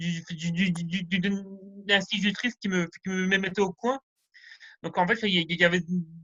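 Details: Stuttering in an adult man rehearsing a semi-final speech, with sound and word repetitions that he handles without losing contact with the audience.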